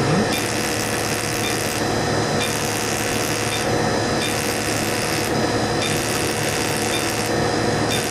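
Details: Fractional CO2 laser resurfacing for acne scars, double pass over a patient's face and cheek: loud continuous hiss with regular rasping buzz bursts about every 1.5 seconds; laser in operation.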